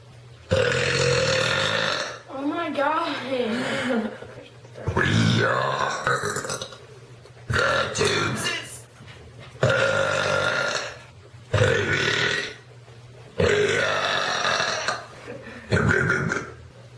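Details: Series of about eight loud, prolonged, voiced burps with short pauses between them; burping compilation.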